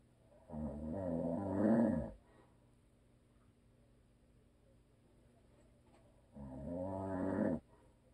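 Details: Husband's habitual snoring: two loud, low rattling snores on inhalation, separated by a quiet pause of about four seconds.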